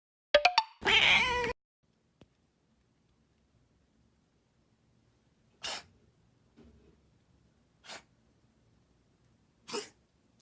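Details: A cat meows, then gives three or four short, harsh, spaced coughing bursts; the owner first read it might be hairball retching, later noted it reflects a bronchial problem needing a vet. Finding: cough in a cat.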